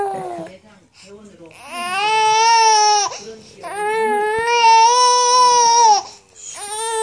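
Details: Baby, noted as 22 weeks, crying in long, high-pitched wails with brief catch-breaths between them, in a small quiet room.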